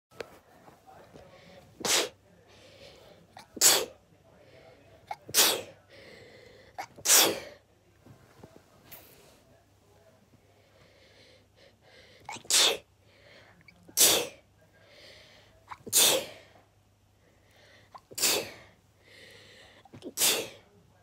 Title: Sneezing Fit